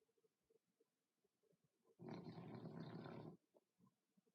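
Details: Flat-faced dog snoring, owner says his smashed face makes him snore a lot: one rough, rattling breath lasting about a second and a half above quiet background clicks.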